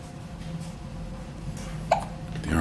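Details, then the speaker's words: Three-week-one-day-old newborn with hiccups in the morning: a single brief, sharp hiccup sound against soft room noise. Hiccups. "good morning golda you have the hiccups today"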